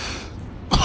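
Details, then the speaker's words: Bicycle delivery courier outdoors in freezing evening cold, whose cough still hasn't gone away; steady outdoor background noise, then one abrupt harsh cough burst, cut off at the end. "kurde jak słyszycie kaszel jeszcze mi nie odpuszcza"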